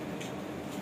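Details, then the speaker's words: Fetal heartbeat on obstetric Doppler ultrasound at 32 weeks 1 day, estimated fetal weight about 2 kg; brief rhythmic whooshing pulses over steady hiss, baby described as healthy; previous delivery was caesarean. "বাবু এটা বাচ্চা heartbeat শুনছেন না"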